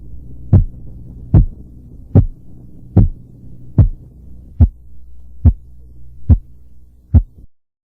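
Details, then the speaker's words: Korotkoff sounds heard by stethoscope over the brachial artery in a seated, relaxed patient, arm supported at heart level, as the cuff deflates at 2–3 mmHg per second after inflation 20–30 mmHg above palpated systolic pressure, listening for the five phases. "Después de eso, el manguito debe ser desinflado a razón de 2 a 3 milímetros de mercurio por segundo y mientras desinflamos debemos escuchar atentamente las 5 fases de ruidos del corazón."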